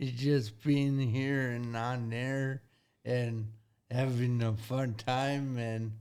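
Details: 40-year-old man with severe traumatic brain injury from a car accident at age 19, affecting thinking, processing time and speaking speed; had to relearn talking and has had speech therapy; acquired speech impairment after traumatic brain injury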